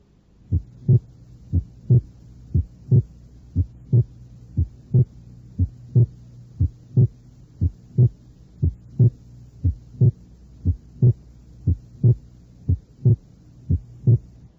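Steady heart sounds near 59 a minute; the loud second sound seems single, with a slight split hidden by one accentuated component.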